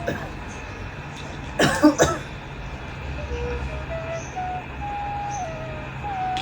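Two quick, sharp coughs from an adult, heard against a steady low hum and a faint tune.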